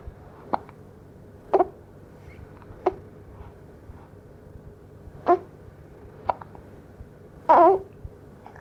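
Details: Hiccups of a 2-week-old baby girl, which she also had often in the womb: six short, sharp hiccups at irregular intervals over about eight seconds in a quiet room.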